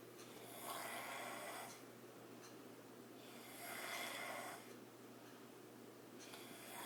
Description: My sister snorig last night